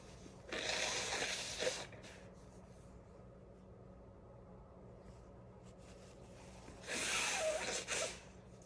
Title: Chhinkni Sneezes (nb)